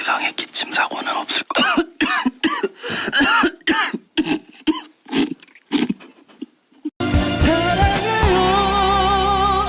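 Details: A singer coughing during a performance; short cough bursts interrupt singing, then loud music.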